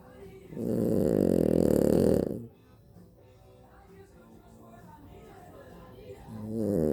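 One loud, rough, rattling breath noise lasting about two seconds, then quiet breathing before another begins: snoring.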